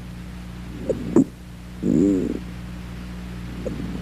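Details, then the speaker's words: Squawk, a short musical honking inspiratory wheeze partway through a breath, with scattered crackles over a low hum; described as characteristic of allergic alveolitis and interstitial lung disease. "Se ha identificado recientemente en las alveolitis alérgicas y en las intersticiopatías el graznido, que es fácil de reconocer y característico de estas situaciones, es decir, que tiene gran valor diagnóstico y, repito, es fácil de identificar porque remeda perfectamente a un graznido."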